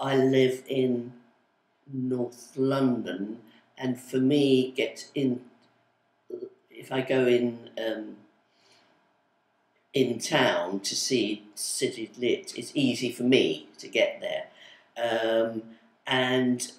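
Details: Adult female with aphasia of sudden onset (woke one day unable to speak), with word-finding difficulty especially for numbers, months and colours, attending speech therapy communication groups; aphasia.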